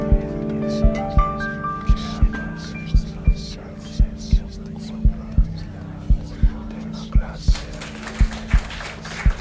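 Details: Regular paired low heartbeat thumps at about 57 beats per minute, playing quietly under soft ambient piano sleep and meditation music: steady heartbeat.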